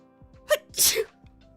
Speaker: Excuse me. I sneezed.